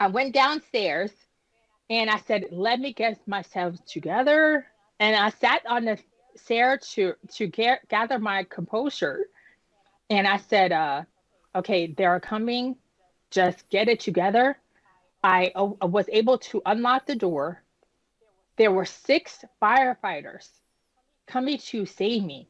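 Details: Woman nearly 10 years after an ischemic stroke at age 36 that damaged about a third of her brain, including the speech center, initially leaving her unable to speak; she has repetitions and word-finding pauses from post-stroke aphasia and apraxia of speech.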